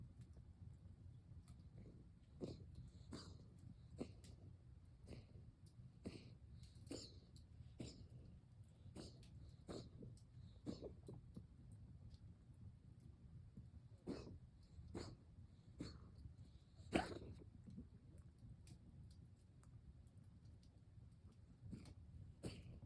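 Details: Dog coughing: repeated short, sharp coughing bursts, single and in small clusters, over low room hum.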